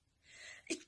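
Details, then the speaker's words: Acted sneeze, one of several comedic sneeze types: a rising breathy intake followed by a sharp, brief explosive burst. "the nostril sneeze the baby sneeze to the popular girl sneeze at to the fake sneeze at you the indecisive sneeze"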